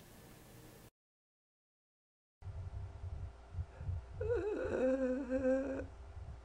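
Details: Simulated (acted) laryngospasm lasting about 10-15 seconds during laryngoscopy: vocal folds open for normal breaths, then clamp tightly shut for a breath, partly reopen as the spasm relaxes, then return to near-normal breathing; laryngospasm (simulated).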